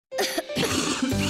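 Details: Adult's acted cough in an advertisement for cough syrups for dry and wet cough: one or two harsh bursts over background music.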